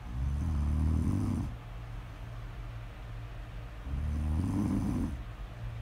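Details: Two long, low, rattling breathing sounds with quieter breathing between them; snoring, recorded as snore audio ASMR.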